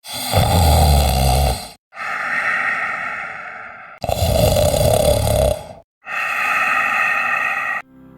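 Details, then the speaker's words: Snoring during sleep: loud, rough, rattling sounds alternating with softer breaths in slow cycles, each lasting one to two seconds. "घोरण म्हणजे काय जेव्हा तुम्ही झोपता तेव्हा तुमचे thought muscles relax व्हायला लागतात आणि तुमचा नेसल पॅसेज जो असतो तो पार्शली ब्लॉक व्हायला लागतो"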